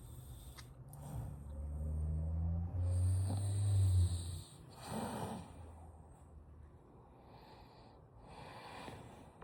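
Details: Shih-poo dog snoring while asleep: low rumbling snore with snorty breaths and faint background sound.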